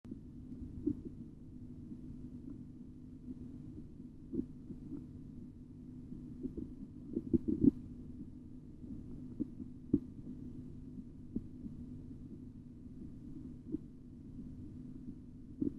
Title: BP Measurement Auscultatory Tutorial 4